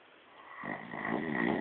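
One short, rising, rattling snore on an indrawn breath: snoring during sleep.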